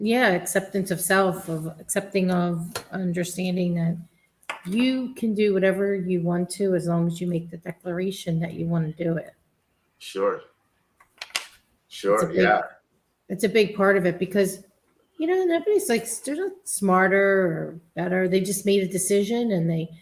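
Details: Adult speakers in conversation; typical speech.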